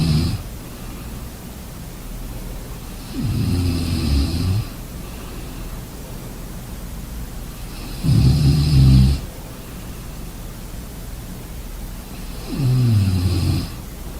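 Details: Rhythmic rattling snores on breathing in, about three over fourteen seconds, against steady room hiss during sleep; snoring.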